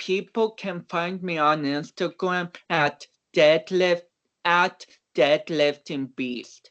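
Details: Dysarthric speech in a man of about 29 with cerebral palsy, an athlete and powerlifter whom doctors had not expected to walk or talk.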